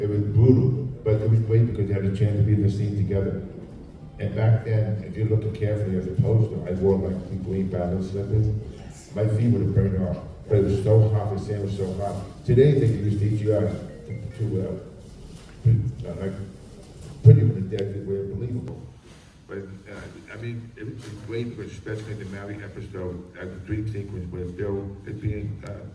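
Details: Adult male with profound hearing loss since childhood and a childhood speech impediment, trained in phonetics with a marble in his mouth, formerly wore two hearing aids, cochlear implant about 3.5 years ago: deaf speech (speech of profound hearing loss).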